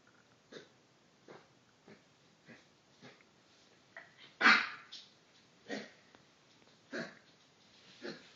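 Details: A 10-week-old Labrador/Newfoundland mix puppy, home from a shelter with kennel cough, gives a run of about eleven short, dry hacking coughs.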